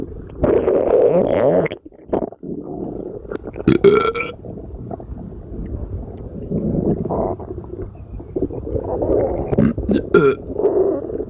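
Low, croaky belches mixed with gurgling stomach rumbles and some handling noise; gas being brought up from the stomach.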